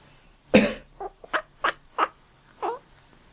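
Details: A single loud, harsh adult cough, then five short nasal quacking chirps from a cat that quacks whenever its owner coughs: cough.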